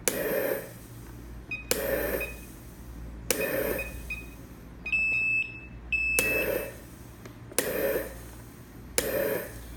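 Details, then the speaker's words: Leistung PR4D02 analog ventilator, respiratory rate raised from 15 to 36 per minute. Rhythmic whooshing breaths with short beeps as the ventilator cycles faster. "Você pode ver que eu boto para 36 e o respirador já começa a ciclar mais rápido."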